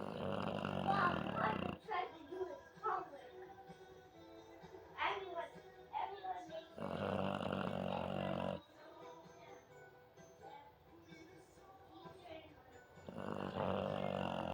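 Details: Snoring in an American Bully dog after a long walk and a full meal: long, loud, rough snoring breaths roughly every six seconds, music in background.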